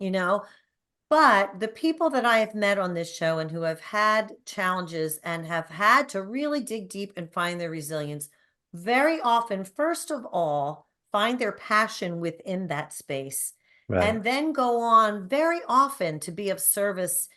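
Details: Adult woman speaking; fluent speech.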